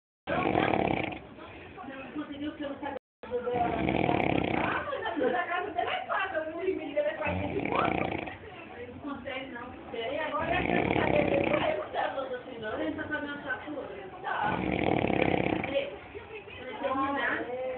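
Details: Loud, irregular, rattling snores with gurgling breaths from a person napping, muffled and narrowed as if recorded over a broadcast; afterward someone remarks on the short nap and says he snores too much. Heavy snoring during sleep.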